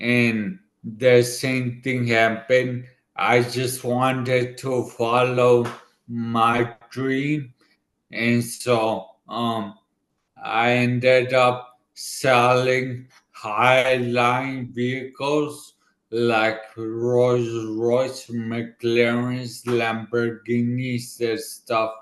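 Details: 40-year-old man, former elite runner, with dysarthria from a right-sided ischemic stroke about two years earlier, affecting his left side and part of his tongue and mouth; he had to relearn speaking; repeated words are heard.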